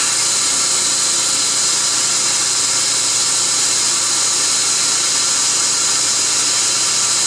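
Steady high-pitched hiss and whine of dental equipment running throughout; instrument noise during a laser-assisted root canal.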